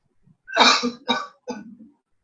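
A short run of three coughs, the first strongest, each followed by a rougher tail: a cough that can clear airway secretions.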